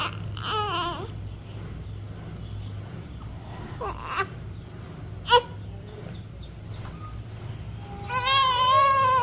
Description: baby crying sound effects